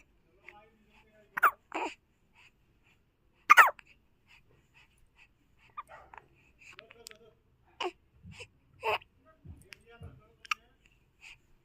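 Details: A little child's hiccups: short, sharp voiced catches recurring at irregular intervals, about 28 a minute, in a quiet room.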